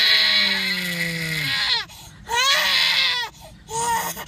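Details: Loud, piercing infant cries that fall in pitch, with gasping pauses between them, from a baby described as irritated and sleepy while adults urge louder crying; ordinary infant crying.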